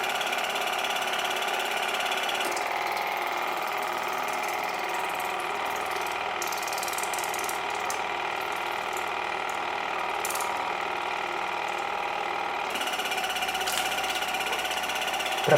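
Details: Waterpik WP-100 Ultra dental water flosser (oral irrigator) filled with warm water, used in the mouth to clean between teeth after a meal: steady rapid mechanical buzzing with water hiss, briefly changing in tone.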